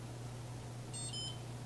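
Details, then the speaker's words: Single short high beep as a glucometer accepts a fingerstick blood sample from a female patient on a test strip during an EMT blood glucose skills demonstration; meter reads in five seconds, reading 122; normal device signal. "beep. It's going to take five seconds to read."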